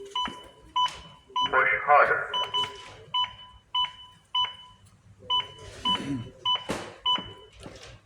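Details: AED demonstration of giving CPR: paired-tone metronome beeps at about 100 a minute with brief voice prompts, pacing chest compressions during CPR.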